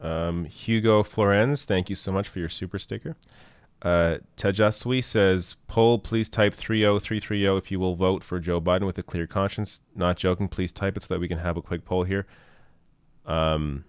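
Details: Adult man speaking; typical speech.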